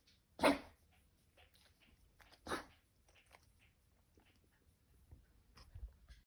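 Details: Dog with kennel cough, day 3, morning, caught after a park visit: two sharp, harsh cough bursts with quieter snorts and breathing between.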